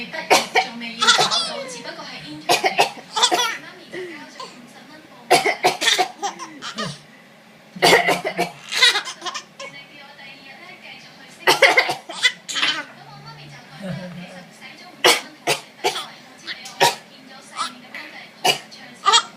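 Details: A 4-month-old infant laughs and squeals as her mother makes repeated playful pretend coughs.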